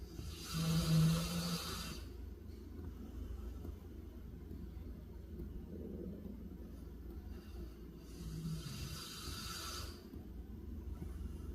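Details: A dog snoring while asleep.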